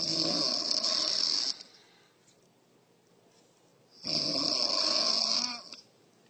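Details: Mother snoring loudly, child frightened: two long, harsh, raspy snores about four seconds apart with quiet between.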